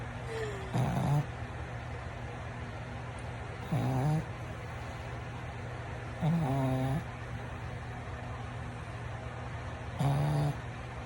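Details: Sleeping pug snoring: four loud, rattling snores at a slow, even pace over a steady background hum.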